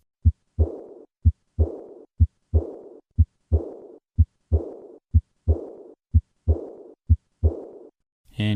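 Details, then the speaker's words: High-pitched, blowing, decrescendo diastolic murmur of aortic regurgitation heard along the left sternal border, growing louder with a handgrip maneuver that raises afterload. "This murmur gets louder with an increase in afterload. Notice the change in this murmur with a hand grip maneuver."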